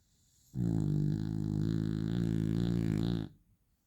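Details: Sleeping beagle dog: a single long, low, rattling snore lasting about three seconds in a quiet room; snoring.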